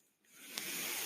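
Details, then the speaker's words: Mechanical ventilator airflow of the speaker, who says the noise heard is his ventilator: a soft hiss of air swells and holds steady. "hello everyone my name is that noise hearing is my ventilator"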